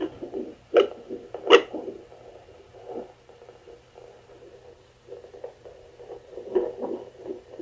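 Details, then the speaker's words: Adult woman, not pregnant with no hCG, holding a handheld home Doppler on her chest, angled then straight; soft muffled whooshing heartbeat with probe-scraping noise; she reports heart arrhythmias and palpitations that give a different sound. "I do have like some heart arrhythmias and heart palpitations and I wanted to point those out so you guys can notice there's a little different sound in my heart here"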